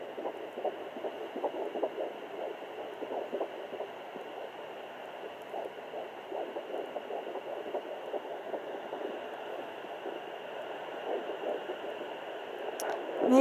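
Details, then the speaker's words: Fast, rhythmic whooshing pulses over a steady hum: fetal heartbeat at 12–13 weeks of pregnancy on a home handheld Doppler, mother sitting slightly up; rate a little slow as the baby is not moving, possibly sleeping. "so there is the baby's heartbeat and it's a little sow right now because the baby's not moving around"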